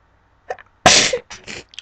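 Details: Sneeze.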